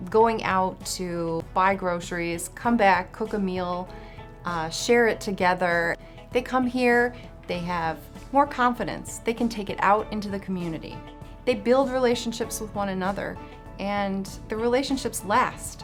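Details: Adult woman speaking; normal speech.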